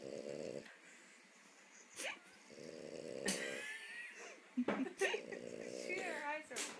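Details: Sleeping French bulldog snoring in rough, grunting bursts with squeaky whistles, like a little pig.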